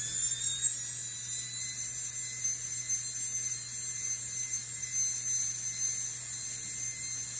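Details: Continuous high-pitched whine of a high-speed dental drill moving back and forth to smooth shallow depth cuts during a crown preparation, keeping the margin height even.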